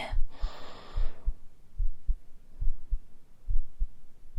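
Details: Real heartbeat heard through a stethoscope in an ASMR home cardiology-exam roleplay, patient rolled slightly onto the left side onto the stethoscope: normal heart sounds.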